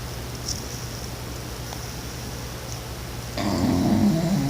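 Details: A dog snoring.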